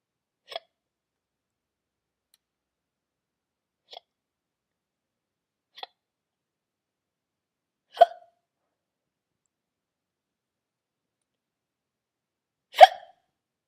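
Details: Hiccups voiced for the character Dobby in a brick-animation contest entry: five brief, sharp hic sounds over about fourteen seconds in near silence, somewhat irregular, roughly twelve a minute.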